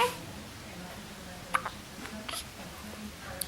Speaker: Have you got the hiccups again? Hey? Oops. Don't. Have you got the hiccups again? I think you got the hiccups again.